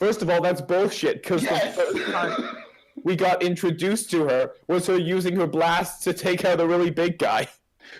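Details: Adult speaker; Typical speech.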